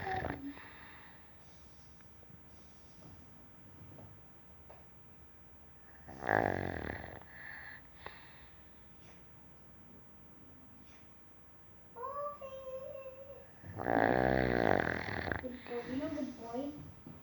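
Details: An old male dog snoring during a nap: two loud, rough, fluttering snores separated by quiet breathing in a faintly noisy room; ordinary dog snoring.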